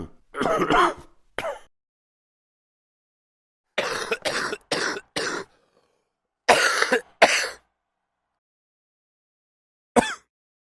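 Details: Coughing from men, a sound-effect recording; cough.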